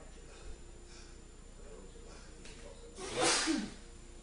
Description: Sneezy Male sneezer with a sneezing fetish deliberately sneezes uncontrollably on camera.